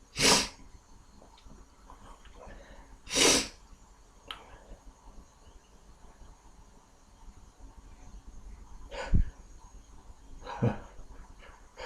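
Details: Two loud sneezes several seconds apart, then softer snorts and a further sneeze, over quiet room noise, from an adult with a cold who is trying to induce sneezes; repeated sneezing.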